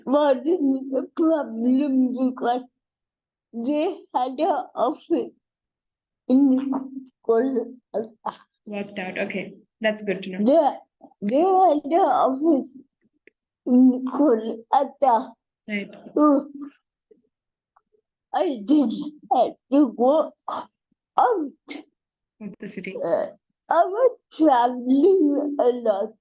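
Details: Adult woman and mother with cerebral palsy: dysarthria (cerebral palsy).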